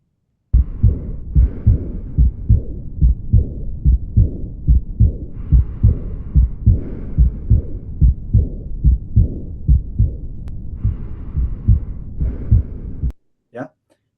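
Regular heartbeat about 72 a minute with a soft blowing sound after the second heart sound, an aortic regurgitation murmur.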